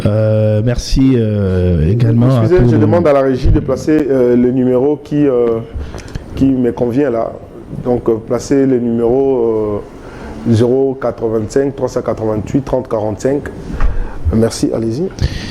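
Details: Adult man speaking French; normal speech.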